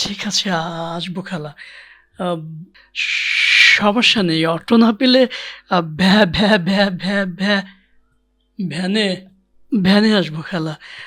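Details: Acted stuttering in a comedic Bengali portrayal: a syllable is repeated before a word.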